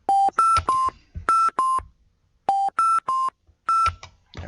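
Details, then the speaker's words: Repeating melodic ventilator alarm on a simulated Hamilton ventilator during an automatic tube compensation demo, after endotracheal tube size was lowered to 6.0, raising resistance, before silencing. "I'm just going to silence an alarm"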